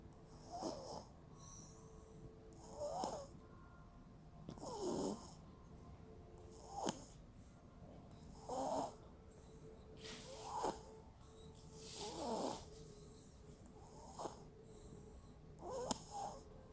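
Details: Baby girl snoring in sleep for the first time: soft, regular snuffly snores about every two seconds, near 30 a minute, in a quiet room; light snoring.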